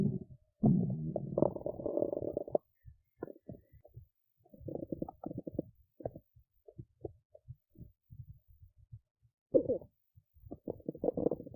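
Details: Belly sounds after a skipped lunch, with hunger: low gurgling rumbles and bubbling squeaks in irregular bursts with quiet gaps. Stomach rumbling from hunger (borborygmi), a normal finding.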